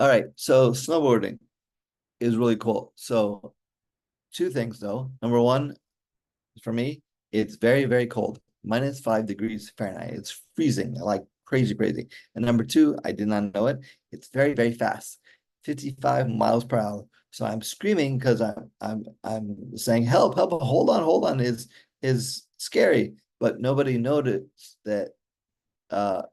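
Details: Adult male stroke survivor with aphasia since a stroke during mitral valve surgery in 2007, still practising his speech daily; aphasia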